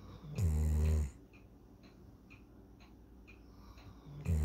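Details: Snoring: a single loud, low rumbling snore, then quiet breathing with faint clicks, and another snore beginning at the end.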